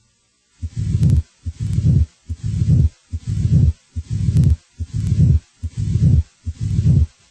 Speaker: the shape of a murmur is determined by its intensity over time a crescendo murmur grows louder